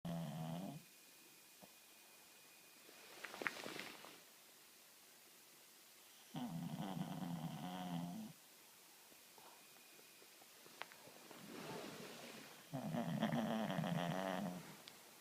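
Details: Shih Tzu dog snoring very loudly on the first night back home after a hospital stay for dehydration; loud rattling snores alternate with softer breaths, about four breath cycles in fifteen seconds; snoring.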